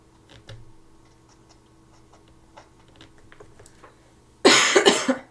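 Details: Coughing and throat-clearing from an adult woman still recovering from COVID-19, recorded during a live drawing stream.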